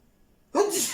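A single short, sharp sneeze burst after silence.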